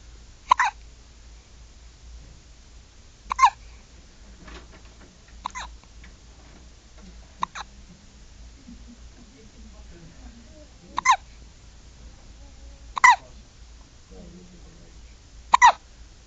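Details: Newborn girl only 8 hours old with hiccups: sharp, brief gulping sounds recurring irregularly, about seven in sixteen seconds (roughly 23 per minute), over quiet room noise.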